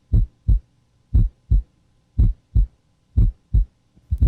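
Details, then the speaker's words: Apical pulse, stethoscope's warmed diaphragm over the PMI at the fifth intercostal space, left midclavicular line: clear, regular lub-dub at about 60 beats a minute; normal S1 and S2 heard with regularity. "you can hear s1 and s2 with regularity"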